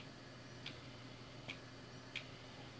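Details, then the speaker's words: Three sharp clicking breath pulses, roughly 80 a minute, from a Neo-Tee T-piece neonatal resuscitator demonstration, with pressure not exceeding 25; this rate is too fast, and about 40 per minute is advised. "rate would be too fast this is too slow so somewhere in the middle about 40 per minute"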